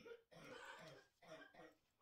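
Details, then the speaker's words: A small female pet coughs hard, "coughing her gut up": harsh, forceful, repeated hacking bursts in a small room; species not stated. "if you can hear my little Ms out there coughing her gut up"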